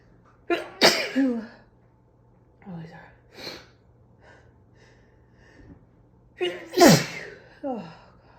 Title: Morning allergy sneezes